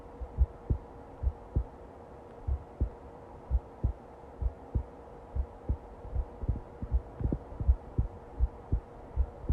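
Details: Long recording of low, paired heart thumps at roughly 65 beats a minute over a faint steady hum; heartbeat.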